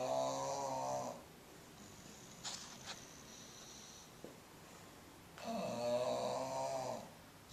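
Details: 10-year-old bulldog snoring in sleep, loud enough that he sometimes wakes himself: loud, rattling snores on each breath in with quiet pauses between.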